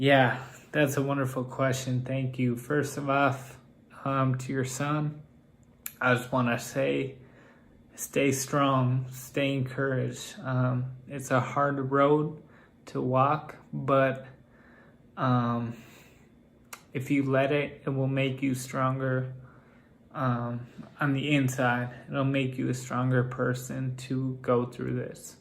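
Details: Adult man with Friedreich's ataxia whose speech has become increasingly impaired over time; ataxic dysarthria.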